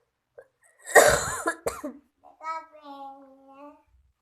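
A child gives a couple of harsh, noisy coughs followed by a short whimpering voice; cough with a cold.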